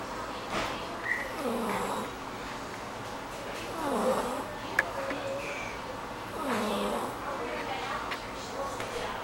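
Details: Snoring from someone sleeping while held in a person's arms.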